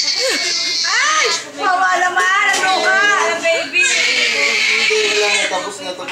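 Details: Four-month-old baby girl crying in pain during ear piercing, loud high-pitched rising and falling crying and screaming.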